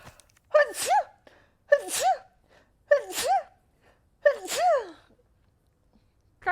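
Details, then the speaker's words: Four quick voiced sneezes in a row, each a squeaky "ah" intake then a high-pitched burst, about one a second, from a female streamer who says she sneezes a mist of spit; rapid sneezes. "oh I got the sneeze thank you [ __ ] I'm so wet from sneezing oh my God when I sneeze nothing comes out of my nose but I do like a mist of spit do you know what I mean"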